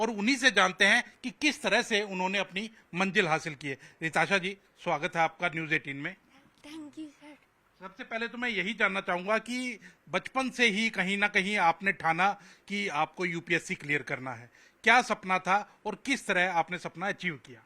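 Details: Adult reporter; typical speech.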